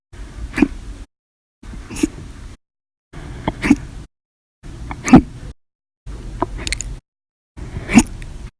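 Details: Six short, sharp gasping catches at about 21 a minute, heard in separate snippets with gaps between them; repeated hiccups.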